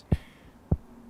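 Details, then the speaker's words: Mechanical heart valve clicks from a 26-year-old man who nearly died after a bacterial infection of his heart valve: two sharp, low clicking thumps about 0.6 s apart, audible from a couple of metres away. "i can hear it i hear my heartbeat i feel my heartbeat i'm grateful for my heart that heartbeat is now the soundtrack to life for matt johnson and partner taylor"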